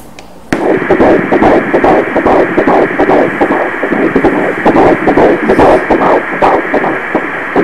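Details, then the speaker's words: Normal fetal heartbeat on Doppler during an ultrasound at 12 weeks 3 days of pregnancy: rapid, regular whooshing at 147 beats per minute. "Frequência cardíaca 147 batimentos por minuto, muito bom."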